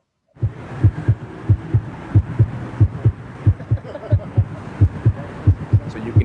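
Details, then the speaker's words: Art-installation heartbeat sonified from a participant's pulse measured by a sensor, also driving searchlights: paired low thumps repeating steadily at about 90 beats a minute. "hear the participants heartbeat but you can also see that the shape that the searchlights are pointed at um vary with each and every participant"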